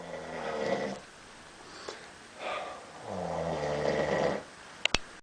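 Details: Two loud, rough snoring breaths, each about a second long, with a quiet pause between and brief clicks near the end; a man snoring.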